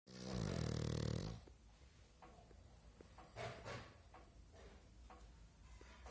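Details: A pug asleep gives one loud, rough, rattling snore of about a second, followed by quieter breathing and small room noises; snoring.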